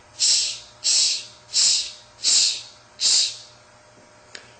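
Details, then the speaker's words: Vocal imitation of a pansystolic murmur for MRCP PACES: even, steady hissing bursts, about 86 a minute, contrasted with the harsh ejection murmur of aortic stenosis. "contrast this with the pansystolic murmur which is much more even so it sounds"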